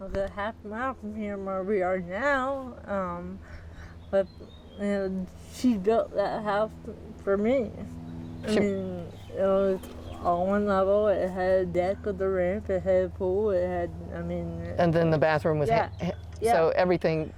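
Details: Dysarthria in a 40-year-old woman with athetoid cerebral palsy, full-body involvement with moderate-to-severe quadriplegia, GMFCS level 3/4, uses power wheelchair; speech can be hard to understand; dysarthria (athetoid cerebral palsy).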